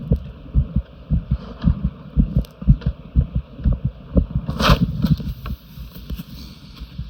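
Quick soft thumping beats, roughly 120 a minute, with a brief rustle midway and steady hum behind; a fast heartbeat.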